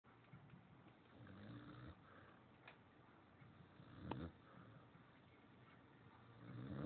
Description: He's snores a lot louder in person(x